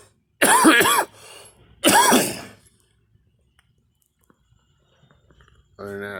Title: me coughing